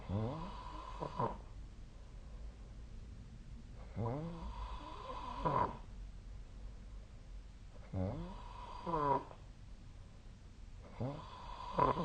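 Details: Sleep snoring on 2025/03/31: four loud, rough, rattling inhaled snores about every 3.5 seconds (about 17 per minute), with quiet exhalations between them.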